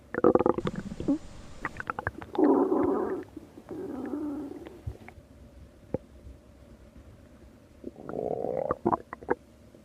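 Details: Stomach growling: several drawn-out gurgling growls and squeaky rumbles over a steady faint background hum.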